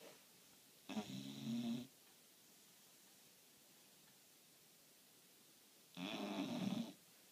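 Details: Sleeping dog: two loud, rough, low snores about five seconds apart, with quiet between them; loud snoring like a grown man.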